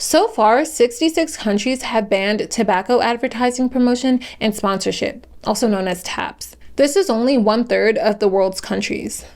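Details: Adult woman narrating; ordinary speech.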